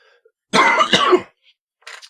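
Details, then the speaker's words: An adult with a cold, whose voice is going odd, gives a harsh, rasping throat clear with a cough-like burst; cough and throat clearing. "excuse me I've got a bit of a coal at the moment so my voice is going a bit weird mmm-hmm"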